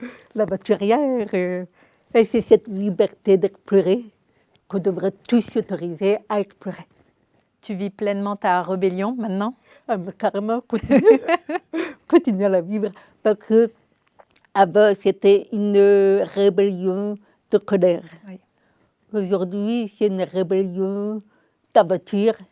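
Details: Adult woman, deaf since birth, diagnosed at 9 months; she was told she would never speak and learned speech through 20 years of speech therapy, three sessions weekly; she says her deafness is audible; deaf speech from congenital hearing loss.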